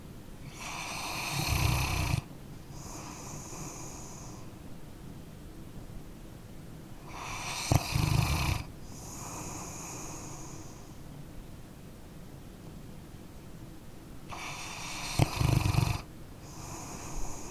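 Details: A sleeping dog gives loud rattling snores about every seven seconds, with soft whistling breaths out in between; ordinary sleep snoring, recorded as an ambient sound.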